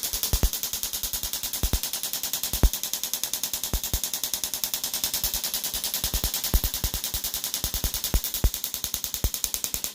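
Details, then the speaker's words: Rapid steady clicking pulses, about 200 a minute, with occasional louder snaps, from an EPAT shockwave device on an Achilles tendon with tendonitis, about 1,400 of 2,500 pulses in, near 4 bars. "So we're at about 1,400 pulses. I go at 2,500 pulses in each side."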